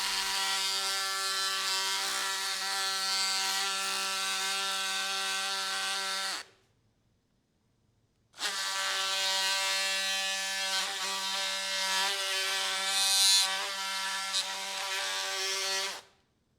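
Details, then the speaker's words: Oscillating bone saw cutting the proximal tibia in a mechanically aligned total knee arthroplasty for knee osteoarthritis, with retractors protecting soft tissues: a loud, steady buzzing whine in two runs with a short pause. "keep the tip of the saw blade visible throughout the sawing process to avoid damaging sawt tissues"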